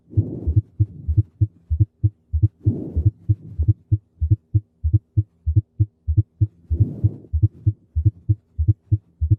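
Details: Stethoscope auscultation of a fourth heart sound (S4) gallop: regular low heartbeats with an extra soft sound just before the first heart sound, giving a galloping rhythm.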